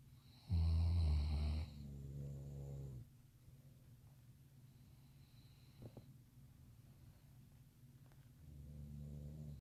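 Loud, low rattling snores on the in-breath, separated by quiet pauses; heavy snoring.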